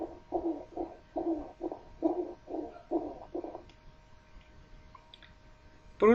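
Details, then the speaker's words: Rhonchi: repeated coarse, low-pitched expiratory rumbling bursts from the large bronchi and trachea, modifiable by cough, as in tracheitis, bronchitis or tracheobronchitis. Followed by brief voice at the end. "puede modificarse también con la tos es parte del síndrome de obstrucción de vía aérea inferior pero de los tubos de mayor calibre por lo tanto lo encontraremos en traqueítis bronquitis y traqueobronquitis"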